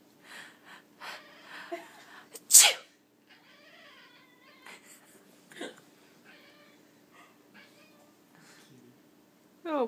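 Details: Single sharp, loud adult sneeze amid quiet talk, with brief cat sounds afterward from a cat that hates sneezes.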